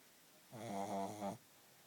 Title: Pug snoring